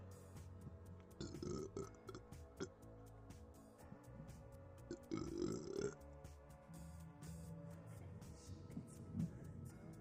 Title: #burp #belching #gassy